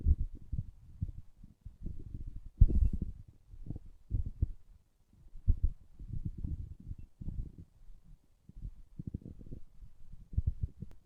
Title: My stomach growling